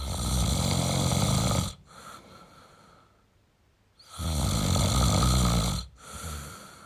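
Loud, rattling snores on each in-breath, each followed by a softer out-breath, about 14 breaths a minute. Ordinary heavy snoring.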